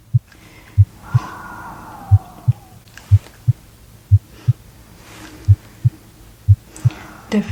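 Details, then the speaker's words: Simulated medical roleplay exam: steady, clear lub-dub heartbeats at about 60 a minute; S1 and S2 heard with diaphragm and bell, no S3, S4 or murmurs; normal heart sounds in an adult with mild shortness of breath and chest tightness. "normal heart sounds no signs of heart failure or any abnormalities with your heart muscle okay that's good"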